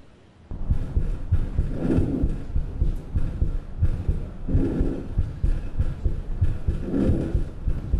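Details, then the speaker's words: Soft rushing breaths rising and falling about every 2.5 seconds over steady, rhythmic low heart thumps, played as an auscultation example; normal vesicular breath sounds. "aquí sobre un latido cardíaco que es el ruido rítmico que se ve se escucha un sonido respiratorio normal es la entrada y la salida del aire que es lo que los médicos llamamos el murmullo vestibular normal"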